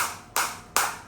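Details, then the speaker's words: Focused acoustic shockwave therapy device at maximum frequency 180, intensity auto-adjusted, applied to the operator's own body and felt deep inside: sharp, evenly spaced snapping pulses, each fading quickly. "और मेरे को इस time पे बहुत तेज बहुत प्यारी और मेरे को ऐसे अंदर पूरी अंदर फील हो रही है तो शॉक वेव आ रही है।"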